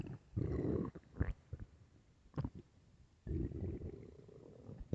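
Low gurgling rumbles with short squeaks between them, stomach growling from gas and fluid moving through the gut; a normal sound.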